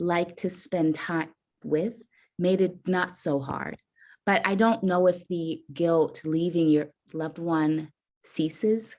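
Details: Adult woman caregiver with a self-reported stutter; stuttering.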